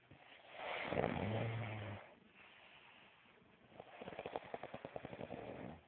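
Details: Sleeping subject snoring: a deep, rough, rattling snore on the in-breath, a quieter pause, then a fluttering snore; ordinary loud snoring.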